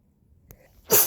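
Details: Sick, sniffly person resting indoors on a hot, humid day: a quiet in-breath, then one sharp, loud sneeze burst in a quiet room.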